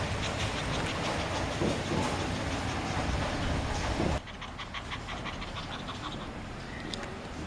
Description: Shiro the cat gasp like a dog, after playing soccer for a while.